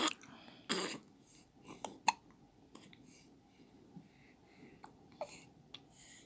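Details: Infant hiccups: brief, sharp, irregularly spaced catches of breath in a quiet room.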